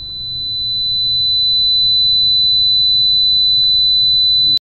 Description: This is a sound of tinnitus - 4000 Hz Tone.